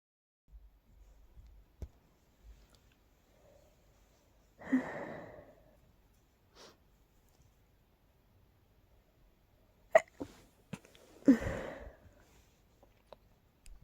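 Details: Two stifled, breathy sneezes with short catches of breath before them, in a quiet room; the person was trying hard to suppress them because their nose felt very tickly.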